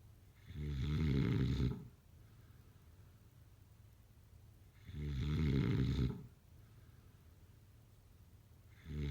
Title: #sleepnoises #snoring #snoringasmr #snoringsleepingsoundeffect #snoringsounds